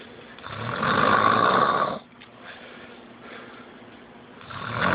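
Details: A sleeping officer: a loud, rough snore lasting about a second, then quiet, with the next snore starting at the end; snoring.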